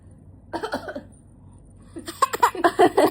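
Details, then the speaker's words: Adult woman, a young child's mother, coughs while being teased by her child; short bursts of coughing mixed with voiced, laugh-like sounds in a small room. "Aisyah ngeledak mamanya, sampai batuk-batuk."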